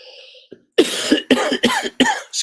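Four or five harsh, wet-sounding coughs in quick succession after a brief pause; a plain adult cough.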